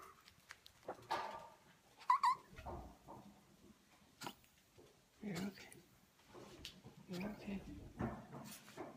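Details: Dog's short breathing episode with snorting, labored breaths and short gasping bursts in a quiet room; owner unsure whether shortness of breath or wheeze/cough; other episodes have lasted much longer; labored breathing episode.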